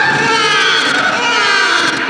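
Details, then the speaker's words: Cartoon sound effect, not real: continuous loud, high-pitched wailing cry of a baby. Infant cry. "and stop crying like babies"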